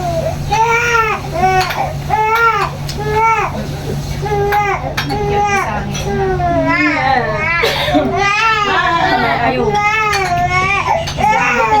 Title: How to handle 2 months baby when crying???!!!! #babylove #baby #cryingbaby #baby